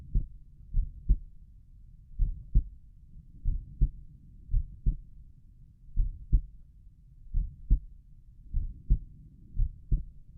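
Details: Own heartbeat heard at Erb's point while lying down relaxing: regular paired lub-dub beats, about 88 a minute, no added sounds evident; heart sounds at Erb's point.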